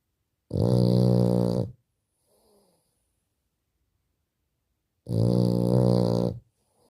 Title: The beautiful snoring of the French bulldog #frenchbulldog